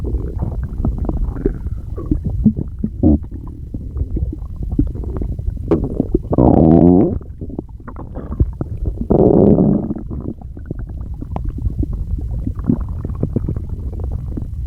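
Loud, low gurgling and rumbling from the belly, with two long drawn-out growls; ordinary bowel sounds.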